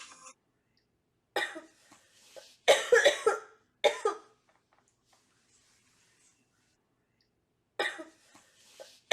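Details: Several short, dry coughs from a girl in separate bursts with a throat-clearing quality, separated by quiet pauses; cough.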